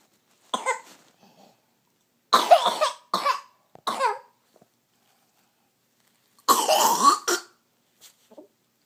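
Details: Dog cough: harsh, hacking coughs in short runs, about six bursts with pauses, some ending in a throat-clearing gag.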